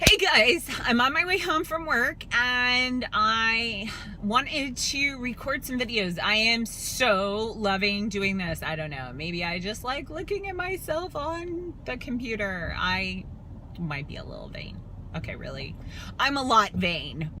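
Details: Adult woman with spasmodic dysphonia, a dystonia of the vocal cords, alongside spasmodic torticollis; she does not get vocal cord injections and says her voice turns shaky or choppy when forcing words out, sounding near tears or nervous; spasmodic dysphonia.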